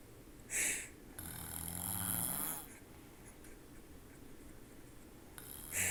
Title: Momma Snore